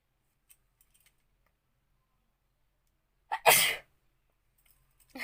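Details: A single loud sneeze, preceded by a short inhaled catch, induced with pepper in a sneezing challenge, in a quiet room with faint clicks and rustling; sneeze.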